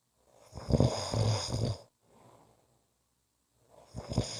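Deep, rattling snoring on the in-breath, followed by a quieter out-breath and a pause, then another snore begins.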